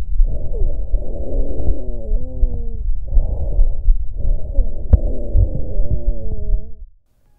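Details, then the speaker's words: Real recording from the anterior chest of a patient with bronchiectasis: low-pitched, polyphonic, snoring-like rumbling breath sounds, mainly on expiration, from secretions narrowing proximal airways. Rhonchi. "en este caso escuchamos roncus en un paciente con bronquiectasias auscultado en tórax anterior"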